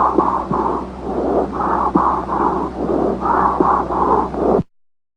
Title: LUNG SOUND